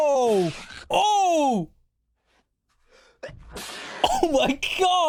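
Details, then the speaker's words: Man sneezing without covering his mouth despite holding a tissue: drawn-out, voiced wind-up calls and a pause, then a loud, unusual vocal sneeze, with exclamations from others nearby. "have you never heard of this arm that's how you sneeze not this man sprayed it everywhere his whole his whole [ __ ] room is contaminated right now"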